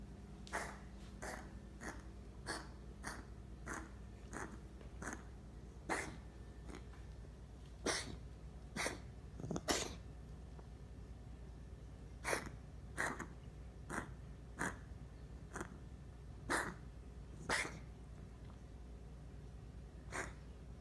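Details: A dog gives repeated short, harsh coughing and hacking bursts in a quiet room.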